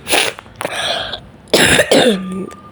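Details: Person still coughing with a cold: four harsh coughs in quick pairs, with throat clearing.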